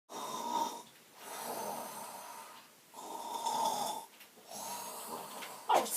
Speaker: seriously, can you stop your snoring? Already, I'm trying to do it.